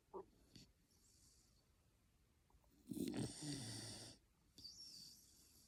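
Two rough, rattling snore sounds on breathing, separated by quieter breaths; ordinary snoring in a sleeping dog.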